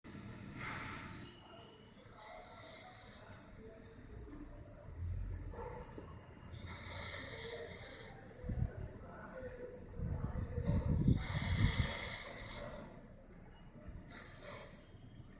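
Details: Dog heard snoring while the family watched TV: irregular snorting, snuffling breaths from the sleeping dog, with louder rattling snores in the second half; ordinary dog snoring.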